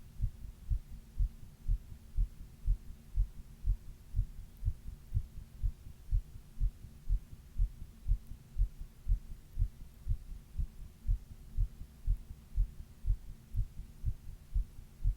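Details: Adult's own heartbeat recorded while quietly reading, with a 102°F fever during the middle third of the 28-minute recording: steady, regular low thumping at about 120 beats a minute, fast for rest, over a faint hum.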